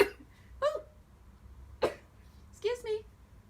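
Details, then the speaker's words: An adult sneezing; the person says their sneezes sound odd, like laughing, crying or coughing. "I'm always told I had the weirdest sneezes like it sounds like I'm either laughing crying or coughing maybe I'm doing both I don't know anyway"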